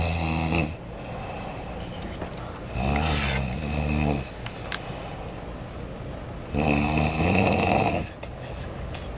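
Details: Man snoring loudly in a hotel room: loud, rattling snores on each breath in, roughly 16 a minute, with quiet gaps between; steady room hum behind; snoring.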